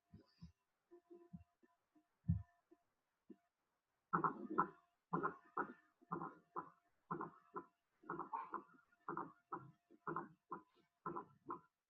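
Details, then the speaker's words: Fourth heart sound (S4), low-pitched, just before S1 at about 60 beats a minute, atrial gallop from atrial contraction; heard with stethoscope bell; always pathological; teaching example. "Es un sonido diastólico que tiene bajas frecuencias, se produce en la fase de llenado rápido activo, es decir, como consecuencia de la contracción auricular y se escucha justo antes del primer ruido cardíaco."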